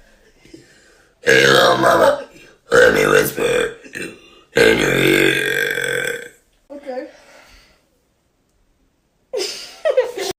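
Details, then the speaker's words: Adult woman burping repeatedly: several long, loud, rumbling voiced belches with brief pauses between them, described as sounding kind of demonic. Repeated burping. "um sound kind of demonic"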